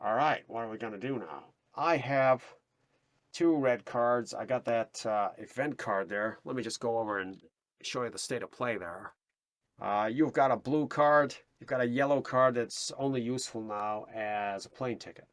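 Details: Adult male speaker; Ordinary speech.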